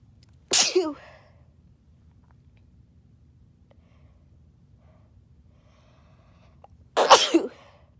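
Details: Induced sneeze fit: two sharp, explosive sneezes about six seconds apart in a quiet room.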